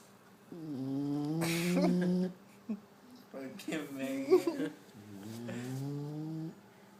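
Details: Sleeping bulldog snoring loudly: long, pitched, rattling breaths in slow cycles.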